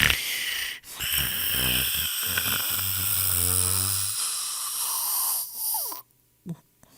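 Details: Royalty-free snoring sound effect of people snoring: rough rattling snore with a buzzing, throaty quality over hissy background, then a sudden cut; snoring.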